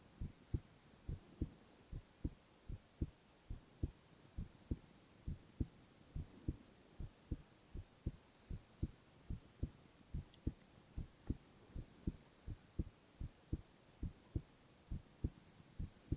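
Steady, regular low thumps in lub-dub pairs, about 80 beats a minute, with faint background hum; normal heartbeat.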